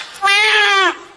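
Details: Newborn girl, 3,140 grams, just delivered by C-section: a single strong, high-pitched newborn wail lasting under a second, with a clear tonal voice.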